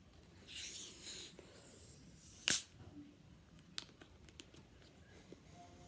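A few soft breaths, then one short, sharp, hissing burst like a sneeze, followed by faint clicks in a quiet room.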